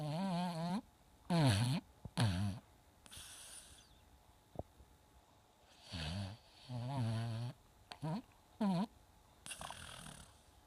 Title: Vixen Snoring